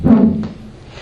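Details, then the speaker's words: Brief, loud, high-pitched humming tone over a dog's heart with degenerative valve disease, often audible to owners sitting nearby; loudness does not correlate with disease severity; musical heart murmur. "these are the ones that owners often are sitting next to the dog and you can hear it so that's just called that that sound is called a musical murmur it again does not correlate with disease severity"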